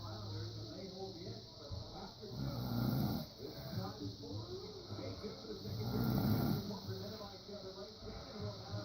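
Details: Low rattling snores at about 18 breaths a minute over steady room noise; an adult man (dad) snoring during sleep.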